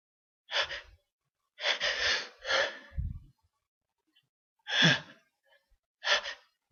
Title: sneezes